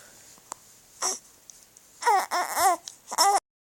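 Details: Infant during a hiccup episode: brief whimpering cry bursts over faint room noise, short fussy crying.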